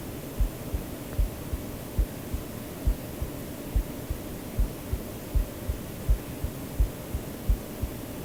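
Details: Real adult heartbeat, self-recorded and mixed into a white-noise sleep-aid track: regular paired low thumps at about 70 beats a minute under a steady hum; normal heartbeat.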